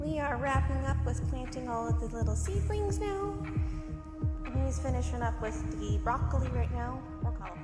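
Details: Adult woman speaking; ordinary fluent speech.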